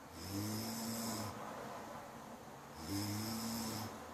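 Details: Ordinary human snoring: two long, low rattling snores on inspiration, each about a second, separated by a quieter pause.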